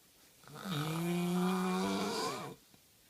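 One long, loud, buzzy snore on an in-breath, rough and vibrating, then quiet.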